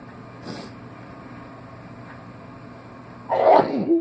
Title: Wake up sneezing